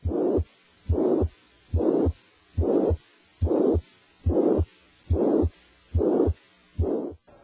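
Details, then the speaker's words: Plateau (holosystolic) murmur of the same intensity throughout: regular heartbeat about 71 a minute with a steady, even-loudness murmur filling the gap between S1 and S2. "A plateau murmur has the same intensity throughout."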